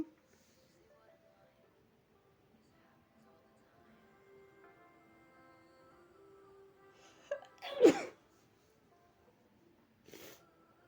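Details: Sneezes attributed to spring allergy, into a hanky, with false starts; sharp breath-in, loud explosive sneeze, then a second smaller sneeze over soft music; sneezing.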